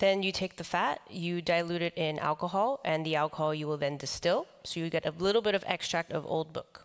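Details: Adult man with the neurological disease dystonia, which in his case causes uncontrollable neck movements and can affect other body parts; he reports having no real tone of voice; real speech: voice dystonia.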